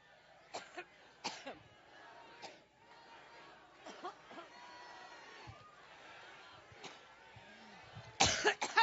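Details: A woman, speaking at a Labor Day campaign rally in Cleveland, Ohio, has a coughing fit: repeated harsh dry coughs in irregular bursts over crowd murmur.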